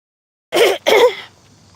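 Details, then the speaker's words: Two quick harsh coughs close together on an outdoor walk: a lingering cough while recovering from illness. "You can hear a little of my cough still."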